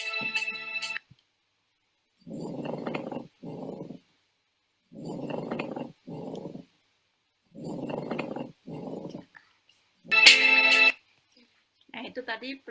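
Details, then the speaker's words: Teaching example of a pleural friction rub: coarse, grating rubbing sounds in paired bursts with each breath. "friction ya. Kalau ada seperti suara gesekan gitu."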